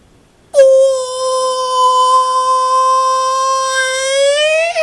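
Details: Baby crying while dad plays with the baby: one long, high-pitched, sustained wail, steady and clear-toned, rising slightly at the end; an ordinary infant cry.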